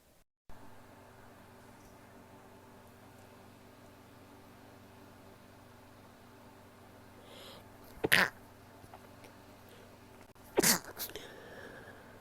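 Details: Two short, muffled, held-in sneezes a few seconds apart in a quiet room; stifled sneezes.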